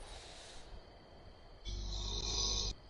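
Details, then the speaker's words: Chocolate Labrador dog snoring loudly after falling asleep, played back during a stream. "Anyway, he records him because he fell asleep and he just starts snoring."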